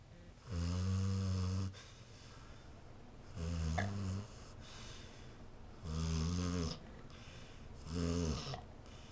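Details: Ordinary snoring in a female dog sleeping on a couch, sometimes with eyes open: four deep, rumbling snores on the in-breaths, about 23 a minute, with quieter breathing between.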